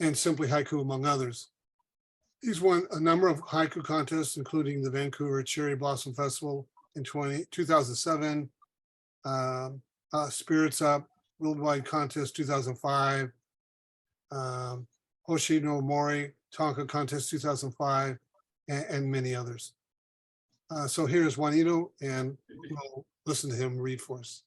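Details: Adult man speaking; Typical adult voice.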